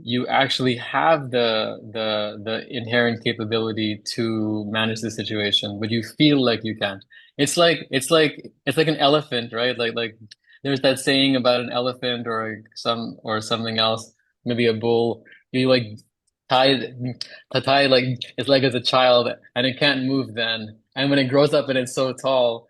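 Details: Stuttering in a female person who stammers, relapsed after childhood speech therapy; part-word and word repetitions audible.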